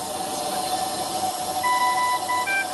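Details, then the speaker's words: Steady electronic ventilator alarm tones rise over a hissing, humming background, a hospital ventilator alarm calling nurses to check, in a noise-management talk. "you hear that that is an alarm now imagine that you are in a place where there are many of these ventilators and what you get is a lot of alarms coming from all over the places"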